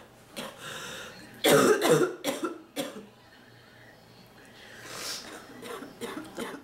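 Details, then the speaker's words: A person still fighting off an illness has a cluster of harsh, forceful coughs, then softer breathy coughs and throat noises; the person says their back hurts badly from coughing. Persistent cough. "oh my back thank you my back hurts so bad from coughing yeah"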